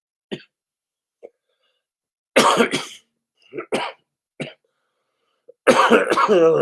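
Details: Adult man, who mentions being out of cigarettes, gives a few short coughs and throat clearings, then a louder harsh cough burst at the end.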